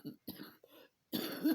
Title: another day another cough